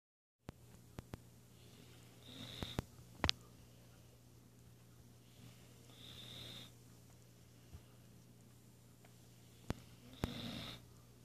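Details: Remi, a Weimaraner dog napping after a morning workout, makes soft, rhythmic snorting breaths about every four seconds, roughly 15 a minute, over room hum with a few clicks: light snoring in sleep.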